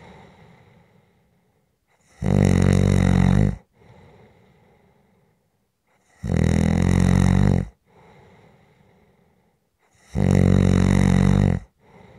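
Loud, low rattling snores recur about every four seconds, with quiet breathing between them: regular snoring during sleep.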